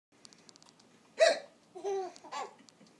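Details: Infant boy gives a sharp hiccup with deep chest movement, then breaks into short giggles, laughing at his own hiccups; hiccups.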